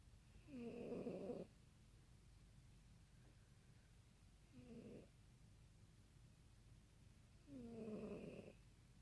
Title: snoring cat